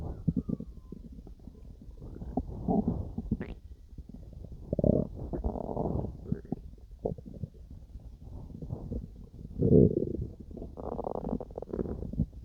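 Irregular low gurgling and rumbling bursts from the belly, ordinary stomach growling during digestion.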